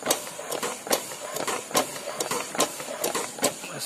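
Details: Test run of a homemade double-supply mechanical ventilator for COVID-19 use, with a piston pump driven by the to-and-fro motion of a 20-volt windscreen wiper motor to supply oxygen: steady mechanical clacking and whirring.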